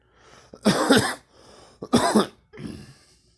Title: girl coughing and me